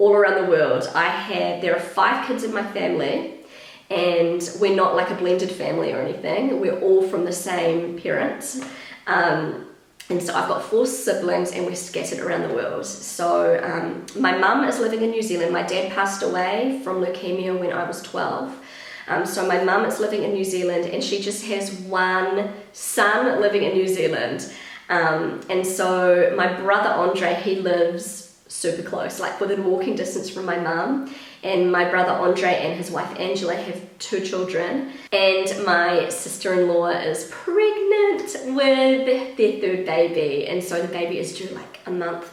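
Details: Woman, currently pregnant, who attributes worsened vocal fry to pregnancy; she reports a habitually croaky voice that is much worse whenever pregnant, and feeling a little out of breath; vocal fry (creaky voice).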